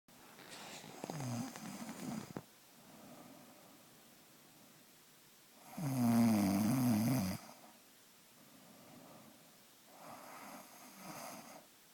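Loud, rattling snores on the in-breaths alternate with quieter out-breaths, roughly every five seconds: habitual snoring.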